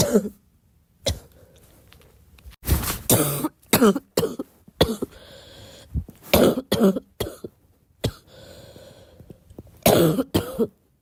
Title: Girl coughing 296